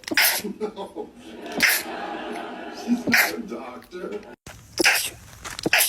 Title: Stifled rapid sneezing